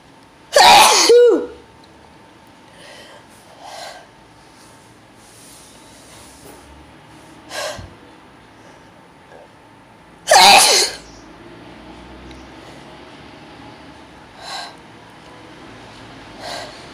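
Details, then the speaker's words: Person in a very intense repeated sneezing fit: two forceful, explosive sneezes with sharp intakes before them and quieter noises between; they say they can't stop and that their eyes are affected. "I can't stop, Stacy. Ah. Wow. I think I'm done. I think there's one more. Wow, my eyes. Now I'm done."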